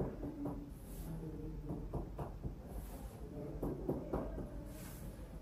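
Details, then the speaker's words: Medical student's OSCE respiratory exam on an adult man born 1984, percussing the back: series of hollow, low finger-percussion taps, symmetrically resonant with no dullness; resonant percussion note. "Resonant sounds are present symmetrically through and through. There is no dullness."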